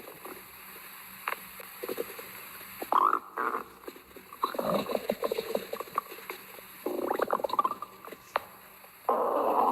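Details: Abdominal bowel sounds after a meal of sausage while relaxing: irregular gurgling, bubbling and croaking rumbles.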